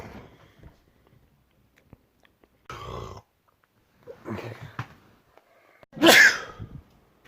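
Several short bursts, ending in one loud, explosive sneeze.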